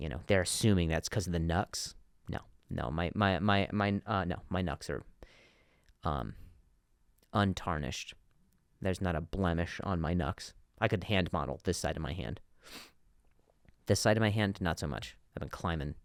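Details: Adult male comedian who stutters, with word and phrase repetitions: stuttering.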